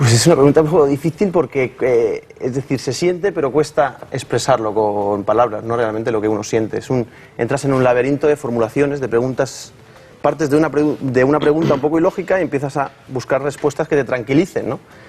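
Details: Adult man who has stuttered since youth, now a psychologist and speech therapist, with the stutter still present though he has overcome the complex about it through psychological help; stuttering.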